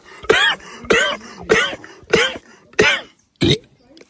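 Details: Person coughing while playing a video game, calling it the worst cough of their life: six harsh, forceful coughs in about four seconds, each a sharp burst with a rough, throaty quality.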